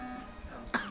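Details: A little girl gives a single short, sharp, deliberately faked cough burst, imitating an adult's cough while playing with her aunt.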